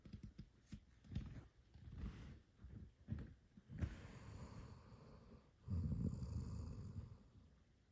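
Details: A 12-year-old dog sleeping on the couch, with irregular low rumbling snorts and snores and soft room noise between them; snoring.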